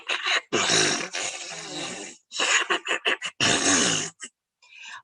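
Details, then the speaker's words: Vocal imitation of a sucking chest wound, an open pneumothorax with severe dyspnea and hypoxia: wet, hissing, gurgling bursts as air moves in and out through ragged chest-wall tissue. "now as air is sucking in through here the tissue is sort of raggedy okay and so air is trying to go through there and as air goes through there it makes a sound it"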